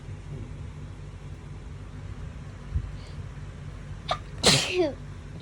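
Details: Hay fever sneezing, filmed over 3–4 days: low room hum, then a short inhaled catch and a single sharp explosive sneeze.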